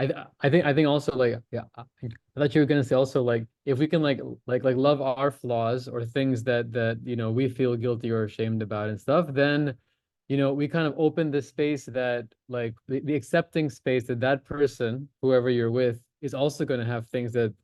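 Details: Stuttering (stammering) in a male participant in a stammering-association online practice group who says he openly discloses his stammer and uses voluntary stammering.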